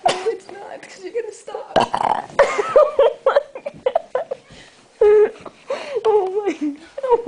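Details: Repeated loud, croaky burp-like sounds that the person calls their recurring hiccups, at night, breaking into talking and laughter.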